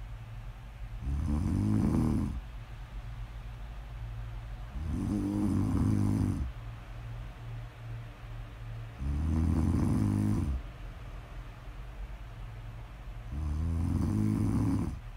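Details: Four deep, rumbling snores on each in-breath, roughly every four seconds (about 15 a minute), steady sleep snoring in an ASMR recording; snoring.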